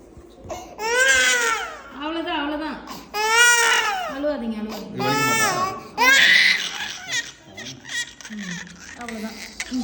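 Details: An infant crying after a vaccine injection: loud, high, tonal wails with sobbing catches, a pain cry, while an adult soothes in Tamil.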